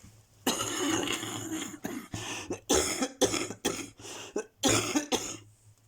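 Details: Coughing fit.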